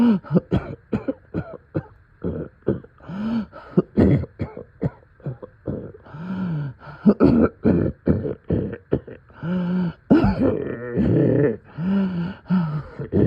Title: Middle of night coughing and deep chest congestion